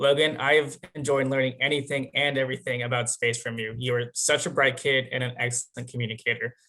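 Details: Adult male; normal speech.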